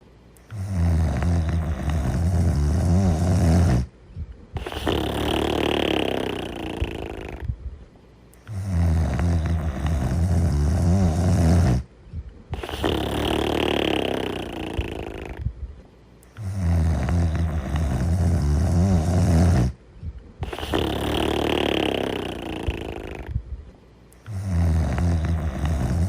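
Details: A sleeping dog snores with a low, fluttering rattle on each breath in and a softer breath out.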